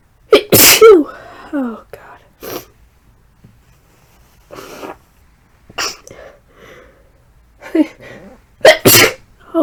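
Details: Deliberately induced sneezing during flu, after a tickly nose all morning: three strong, forceful sneezes with breathy gasps and vocal sounds between them, in a quiet room.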